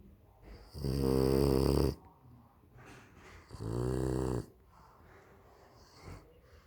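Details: Sleeping pugalier (small dog) snoring loudly: two loud, rumbling snores about 2.5 seconds apart, with quiet breathing between them.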